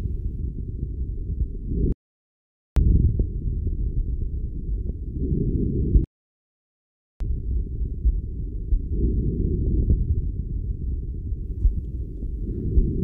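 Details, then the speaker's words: Normal vesicular breath sounds in a physiotherapy teaching demonstration: soft, low rustling breaths with gentle swells, auscultated from lung bases upward comparing both sides, equal intensity and tone bilaterally. "debemos percibir el murmullo vesicular con la misma intensidad y tonalidad en ambos lados"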